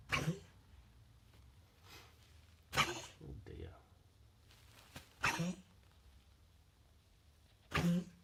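Four harsh, hacking cough bursts spaced a few seconds apart, from a dog with a coughing problem; quiet room noise in between.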